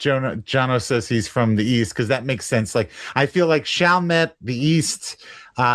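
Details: Adult male speaker; Normal conversational speech.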